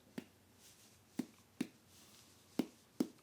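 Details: Tympanic abdominal percussion note.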